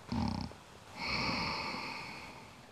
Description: leads a chorus of all the loudest snorers in the camp, which Laila finds quite impressive